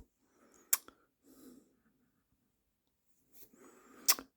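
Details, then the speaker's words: An adult woman sneezes twice in another part of a small room, each sneeze with a quick breath in before it. "voilà vous entendez ma mère qu'il éternue lol bon"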